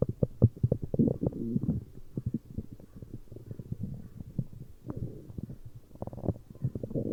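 Low gurgling, rumbling bowel sounds that come and go continuously; ordinary stomach growling from gas and fluid moving through the gut.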